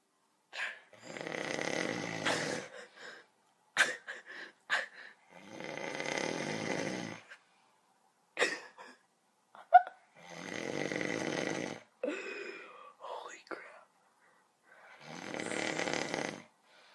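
Loud, rattling snores on each breath, about four cycles over seventeen seconds, with quieter breath noises between them.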